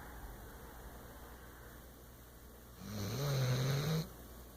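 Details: Soft background hiss, then a single low, rumbling snore of about a second near the end; snoring.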